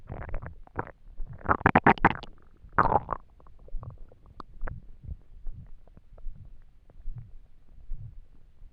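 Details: Gurgling, bubbling rumbles, a loud burst early then softer grumbles, from an empty stomach while trying to sleep; hunger stomach rumbling (borborygmi).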